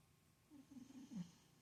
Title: snoring 😪